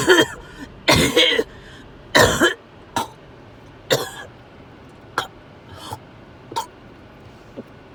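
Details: Adult with fever coughing after overheating, feeling sick to the stomach: a run of harsh, wet coughs and throat-clearing bursts tapering into weaker hacks over several seconds; cough.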